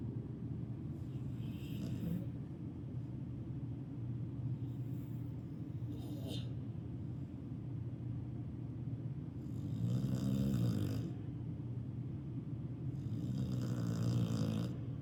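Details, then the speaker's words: Loud rumbling, buzzing snores, some louder than others, over a steady low rumble, likely from 2-year-old female dog Harley Mae while sleeping; snoring said to be her usual habit, likened to a chainsaw. "And this little snore that she does when she's sleeping, that's just her."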